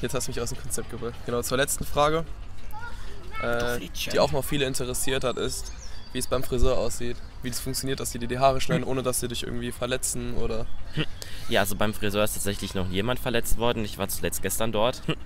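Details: Adults speaking German, likely two voices in a question-and-answer exchange; conversational speech.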